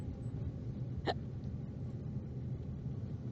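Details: Deliberately faked hiccups, not real ones: the girl exaggerates them by making her body jump. A single sharp hiccup-like gulp over a steady background rumble. Simulated hiccup.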